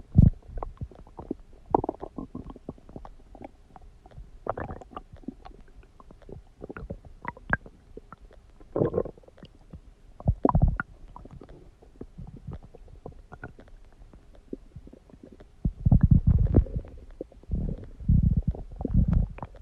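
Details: Low gurgling and rumbling bowel noises in bursts, louder and longer toward the end; ordinary stomach growling (borborygmi).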